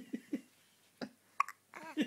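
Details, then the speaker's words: Several brief, soft, jerky catches in quick succession in a quiet room, from a subject surprised by hiccups; hiccups. "have you got the hiccups? have you got the hiccups?"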